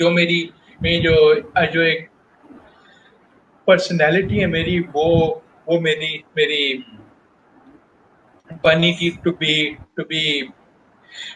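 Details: Adult male professional who stutters, speaking Hindi/Urdu about his job search; stuttering.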